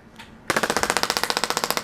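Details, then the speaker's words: Radial shockwave therapy (Storz Medical, D20 tip) over gel on a patient's neck for neck pain and spinal ligament injury; fast regular rattling bursts, about 12–15 a second; patient rates discomfort 1 of 10. "what i'm doing now is just putting some nice nice warm gel on our patient here on the neck area and we're going to start with some shock wave some radial shock wave or the d20 tip"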